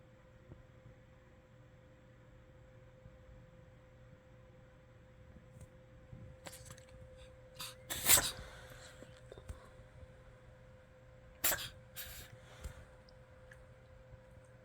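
Two short, sharp explosive bursts against a quiet room with a steady hum, consistent with sneezes.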